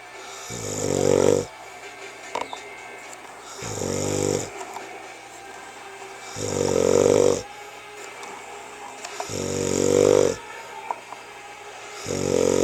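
Loud, rattling snores on each in-breath, about every three seconds, with quiet pauses between; typical snoring.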